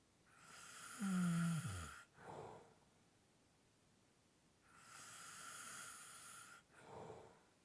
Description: This is a 7 minute clip of light snoring / heavy breathing.